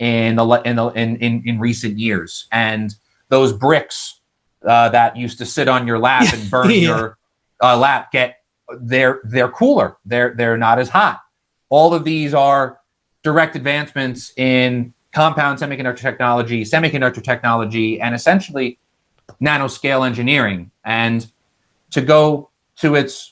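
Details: Adult man who has stuttered all his life, managed with speech techniques such as the airflow technique after speech therapy; stutter shows as vocal cord blocks; this stretch has repeated words; stuttering.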